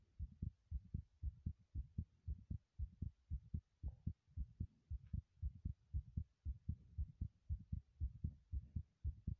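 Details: Heartbeat recorded in a bathroom while running: fast, regular low thumping at about 115 beats a minute in time with the running; heart rate raised by exercise.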